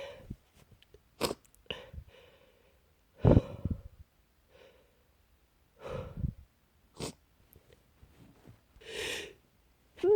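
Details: Trying hard to stay quiet: several muffled sneezes and snorting bursts with short breaths between, held back rather than released; stifled sneezing.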